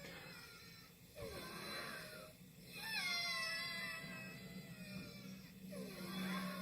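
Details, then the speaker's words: Wheezing audio file replayed through a microphone while explaining COPD signs: high-pitched musical whistling with breathing, from airways narrowed by swelling, mucus or spasm. "that sound is the airway being narrowed constricted down from either swelling or mucus or like annan asthma it could be the muscle spasm but anyway the airway is narrowing and then it makes this noise wheezing okay"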